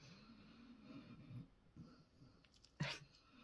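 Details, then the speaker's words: Adult man asleep on a sofa near the recorder, snoring loudly in the background. "snoring if you can hear that I apologize he is really snoring and he is on the sofa near me"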